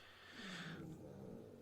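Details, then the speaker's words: A dog snoring in a studio during an interview: a single loud, noisy breath with a low buzzing rumble underneath and faint room noise; snoring. "You can hear the dog snoring so bad. I lost my train of thought."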